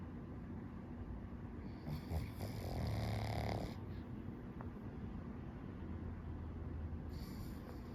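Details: Pug sleeping in the morning, snoring loudly: a low, rattling snore with one loud, harsh snorting breath in the middle of a steady rumble.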